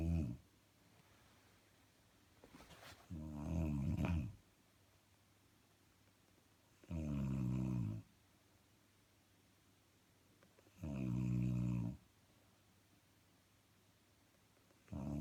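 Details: Woman snoring: loud, regular, deep snores about every four seconds, around 16 breaths a minute, with quiet between.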